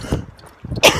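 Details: Man with cystic fibrosis and diabetes who runs to clear his airways, talking about coughing up blood and mucus: two short, harsh cough bursts in quick succession.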